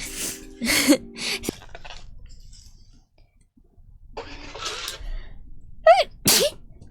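Several sharp sneezes, a couple with a voiced lead-in breath, with faint music in the background; ordinary sneezing.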